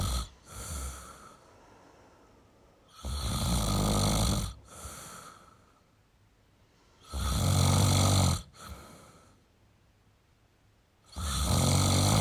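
Loud, rough, low snores on each breath in, with quieter breaths out between, about 15 a minute. Ordinary snoring.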